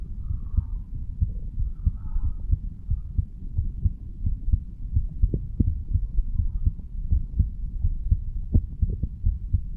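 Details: 35-year-old male standing up, recorded at the mitral/bicuspid valve area; muffled low heartbeat thumps, about 85 per minute, under steady handling rumble; normal heart sounds.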